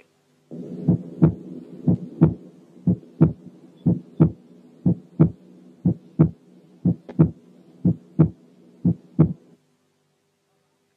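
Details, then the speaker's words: Accentuated second heart sound: regular rhythm near 60/min, S2 much louder than S1 with a ringing, sharp quality, presented as a teaching quiz example in a cardiac auscultation course. "طبعا السكند ساوند از accentuated."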